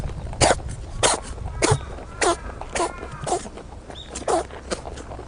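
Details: Male rabbit on Okunoshima (Rabbit Island), Japan, sneezing repeatedly and unable to stop: about nine short, sharp sneezes in quick succession over five seconds.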